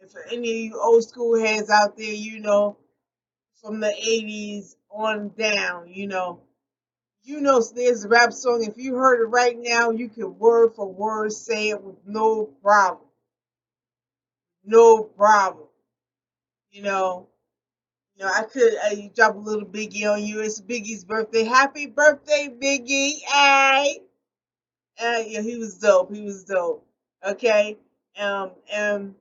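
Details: Adult woman with aphasia developed after a stroke, real and self-described; she reports difficulty getting words out, frequent word errors, and needing to slow down when speaking. Finding: aphasia after stroke.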